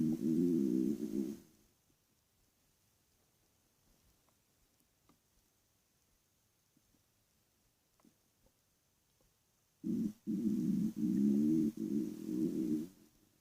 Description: My stomach was growling in the night when i was laying in my bed.